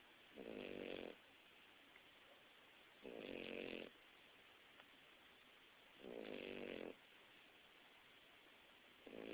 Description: Bacon snoring when he was a baby.